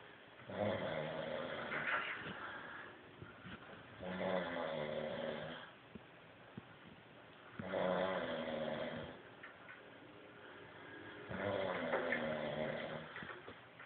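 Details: Snoring: steady rattling snores, about 17 a minute, each lasting one to two seconds, with quieter breathing between.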